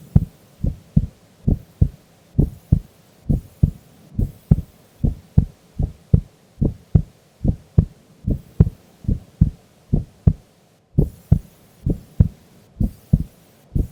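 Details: Female sleeping during an afternoon nap: steady, deep lub-dub heartbeats, roughly 75 to 80 a minute, even rhythm; ordinary resting heartbeat during sleep.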